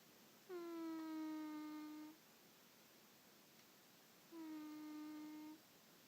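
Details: A sleeping cat named Tabby snoring: two drawn-out, even, whistling hums on each breath, a tonal snore about four seconds apart.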